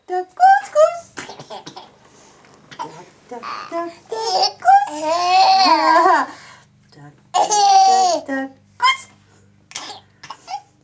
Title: Laughter & hiccups!! 5-10-2010